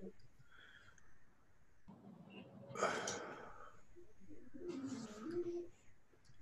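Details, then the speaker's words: Shih tzu snoring: two rough, noisy snorting breaths about two seconds apart, each with a low fluttering rasp, heard faintly over room noise. "my dog snoring. I'm sorry if you can hear me. Yeah. It's quite some snore."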